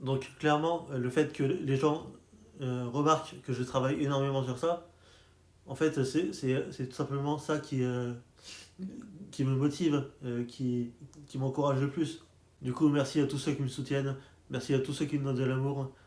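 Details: Adult man who stutters, speaking French, with word repetitions; stuttering.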